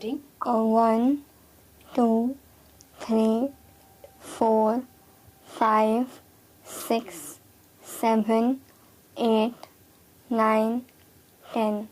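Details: Person with cleft palate counting aloud, with normal articulatory placement but very clear nasal air escape: nasal air emission (cleft palate speech).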